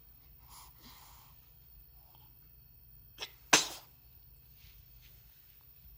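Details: Two-week-old baby: a small catch of breath, then one sharp, hissing newborn sneeze, with soft fussing before it and a steady low room hum; sneezing.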